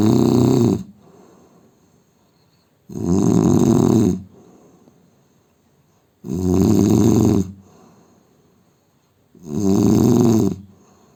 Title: Indian man snoring sound